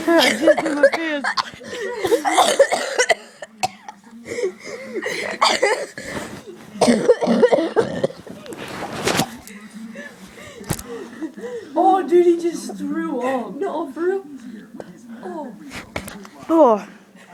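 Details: Kid coughing while laughing, repeated harsh coughs then a gagging retching burst: a coughing fit ending in vomiting (post-tussive vomiting).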